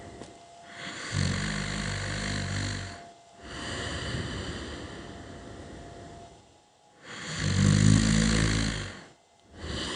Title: Rising Snoring